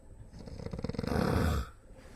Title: An idiot snoring in public. His wife must be frustrated with him